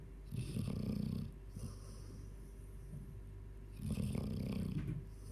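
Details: 14-year-old Labrador snoring: two long, low rattling snores a few seconds apart over steady room hum. Ordinary snoring.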